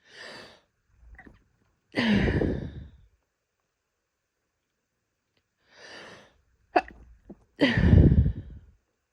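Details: Pregnant female stifling sneezes: two partly held-back, muffled sneezes, each preceded by a quick inhaled gasp.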